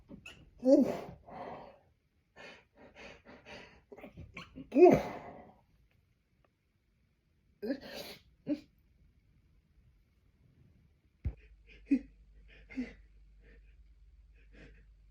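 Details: Repeated forceful, explosive sneezes with gasping in-breaths and quieter stifled attempts after, from someone trying to hold back sneezes by pinching the nose for over a minute; pressure and tickle built up, left dizzy.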